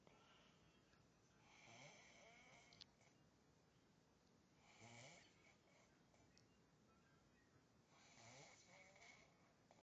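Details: Sleeping man who claims he doesn't snore: three rhythmic, rasping snores about 3 seconds apart, faint over a steady background hiss; snoring.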